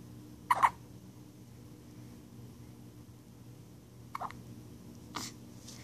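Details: Nine-day-old newborn with hiccups: three short, sharp hiccup sounds several seconds apart in a quiet room; ordinary newborn hiccups.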